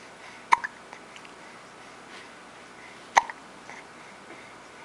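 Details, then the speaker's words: Two sharp, brief hiccup sounds about two and a half seconds apart in a quiet room; hiccups described as not so bad. "has hiccups. It's not so bad."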